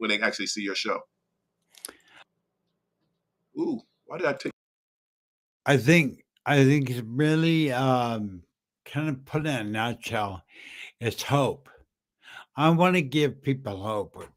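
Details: Adult man with slurred speech after a stroke in September 2015 that also caused aphasia and short-term memory loss; says people think he is drunk; dysarthria.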